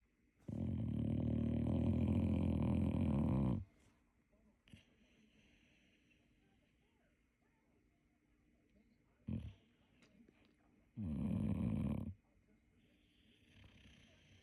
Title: Ryder was zonked out after a long day and his snoring proved it #boxer #boxermom #funnyanimals